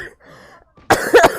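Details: Female gamer with a cold who says she is coughing a lot, during a game stream: a quiet pause, then a sudden harsh cough in two quick bursts.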